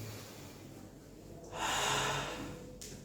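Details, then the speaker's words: Deep exhalation in a skills-lab demonstration of a Diskus dry powder inhaler: a single strong, breathy exhale of about a second after a quiet stretch, breathing out fully before putting the Diskus in the mouth. "Oh ya, sebelum dimasukin ke mulut itu buang nafas sedalam-dalamnya."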